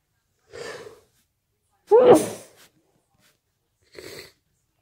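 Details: One muffled, wet sneeze with a soft inhale before and quiet breath after, from a series of wet, muffled sneezes with sniffles and nose blowing.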